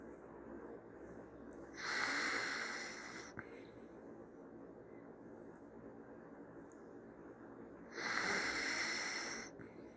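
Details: Dachshund puppy snoring for the first time while sleeping: two hissing, snorting breaths through the nose over steady room noise, the noisy breathing of a sleeping puppy; snorting.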